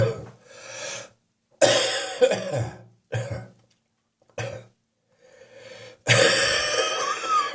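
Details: About six or seven harsh, loose, chesty cough bursts with a wheezy chest, with a spring cold, recorded in the morning; wet productive cough.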